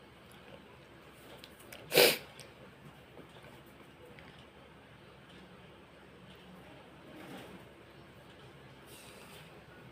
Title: more induced sneezing.